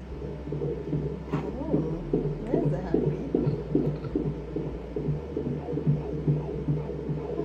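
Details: Fetal heartbeat at a 17-week obstetric appointment: rapid, regular whooshing at about 147 beats a minute, a normal rate.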